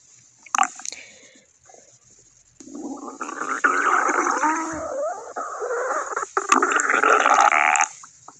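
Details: Stomach growling: borborygmi.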